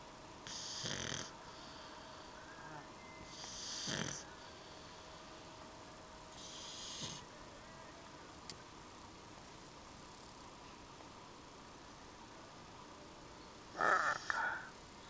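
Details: Pug snoring together with his owner: breathy, hissing snore sounds recurring every few seconds, with a louder rattling snort near the end over quiet room noise; snoring.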